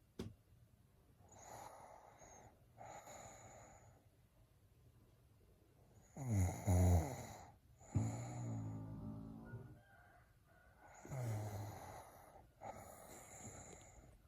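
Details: Snoring: irregular breaths with loud, deep rattling snores on some breaths and softer airy breathing between, faint music in the background.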